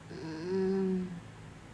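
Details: A single low, droning, tonal breath sound about a second long: a snore self-recorded while falling asleep after a night without sleep.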